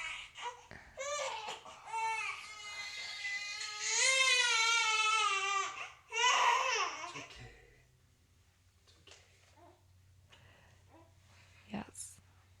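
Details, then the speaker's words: Infant girl crying in loud, wavering wails, then quieting into small fussing sounds in a small room. "Oh, our baby's crying. I don't know if you can hear that."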